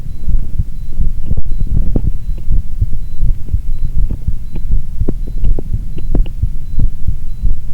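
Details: Heart sounds recorded alongside an ECG: a steady, low thumping heartbeat at about 90 beats a minute over a background hum; normal heart sounds.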